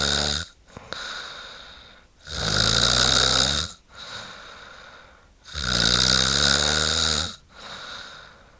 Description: Relaxing sound of a snoring woman.